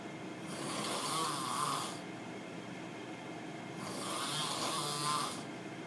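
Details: Adult roommate snoring very loudly: two long, harsh, rasping snores about four seconds apart.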